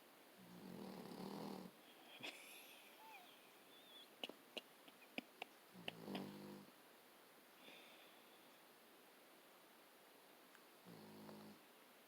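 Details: Sleeping Akita dog snoring heavily: three loud, rumbling snores several seconds apart, with faint clicks and room noise between.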